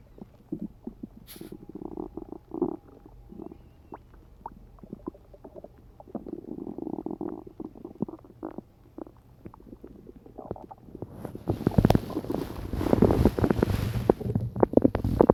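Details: Low gurgling, bubbling rumbles growing louder and more continuous toward the end: morning stomach growling from gas and hunger, recorded with a phone while lying half-asleep on it.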